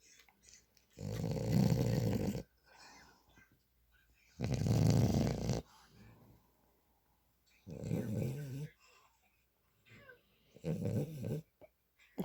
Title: frenchie super snore